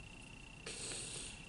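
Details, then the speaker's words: Tracheostomy suctioning demonstrated on a mannequin: a faint steady whine, then a sudden loud hissing rush as intermittent suction starts. The catheter is inserted about 4–5 inches and withdrawn with a circular motion. "so as I'm now I'm going to start suctioning as I'm suctioning I'm going to intermittent suction and make kind of a circular motion"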